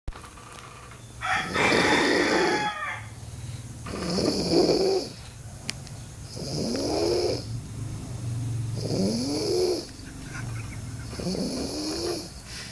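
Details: Five loud, rasping, fluttering snores with rising whistly tones, about 24 a minute; snoring.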